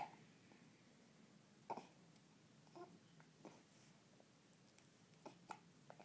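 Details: One-day-old baby with hiccups: short, abrupt catches of breath about every second, five in six seconds, in a quiet room; hiccups.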